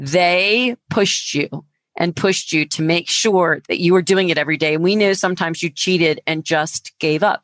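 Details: Adult woman speaking; Normal speech.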